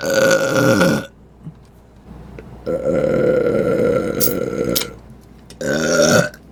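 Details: Burp compilation: three long, loud, rumbling belches separated by short pauses, with faint background noise.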